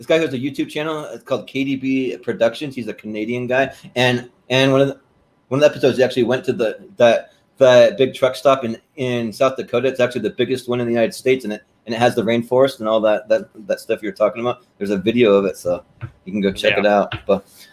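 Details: Stuttering present since birth in an adult male, more noticeable when talking fast.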